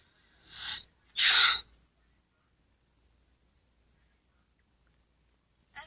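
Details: Simulated sneeze voiced for an animated cartoon character: a breathy intake followed by a single sharp, explosive burst.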